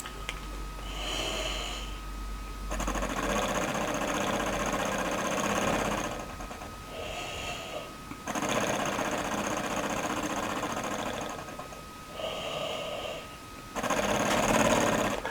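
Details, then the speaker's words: Adult with bronchiectasis caused by follicular lymphoma, phlegm filling the lower lungs, breathless on talking, exhales repeatedly through a flutter oscillating positive expiratory pressure valve: rapid buzzing flutter, quiet breaths between, airway-clearance session. "it's called a flutter because of the noise it makes which you'll hear in a minute it's what's known as a positive airway pressure device"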